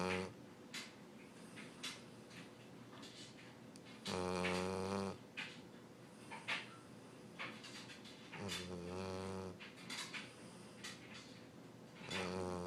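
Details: Dog snoring nightly while asleep: loud, buzzing snores about 14 a minute, somewhat irregular, over a steady background hum.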